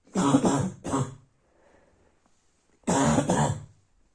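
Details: Night-time barking cough: two bursts of harsh, deep, hoarse coughs with a barking quality, separated by a quiet pause.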